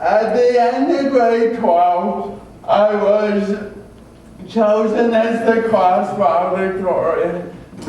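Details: Adult male with cerebral palsy from oxygen loss at birth (umbilical cord around throat), a type involving muscle stiffness and irregular movements, noticed around age 1; had extensive speech therapy; dysarthria (cerebral palsy).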